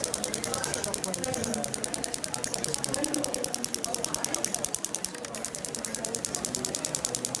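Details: Shockwave therapy (ESWT) at lowered frequency and energy, applicator worked at 90 degrees to the muscle fibres for thoracic spine and fascia tightness: rapid, regular sharp clicking, about three a second, with muffled voices behind.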